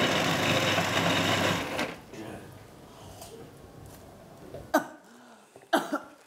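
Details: Choking cough from dysphagia in a resident with Huntington's disease at a Dutch nursing home.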